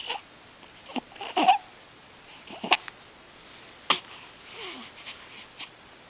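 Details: Hiccups: brief, abrupt hiccup-like catches at irregular gaps, with soft whimpering sounds in a quiet room.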